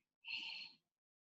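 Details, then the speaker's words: Voiced imitation of the pleuritic blowing murmur heard over a pleural effusion above the fluid line: a very soft, expiratory, breathy 'eh'-like blowing sound. "El soplo pleurítico es un soplo que se da en el derrame pleural por encima de la línea del derrame. Ahí si nosotros ponemos el estetoscopio y oímos, se escucha un soplo expiratorio que es como una E,"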